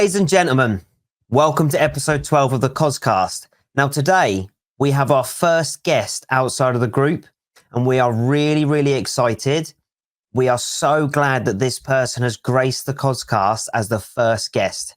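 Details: Adult male speaker; Normal adult speech.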